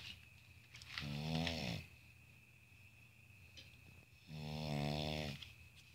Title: Cute snoring pug